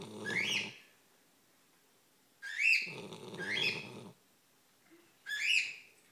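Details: Duchess, a sleeping Great Pyrenees, snores with slow, repeated noisy breaths, each carrying a low rattling flutter and a high whistling note, recurring every few seconds.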